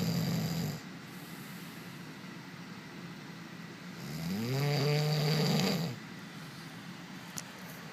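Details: Sleeper snoring: loud low rattling snores on the breath, with a quieter stretch in between; ordinary snoring.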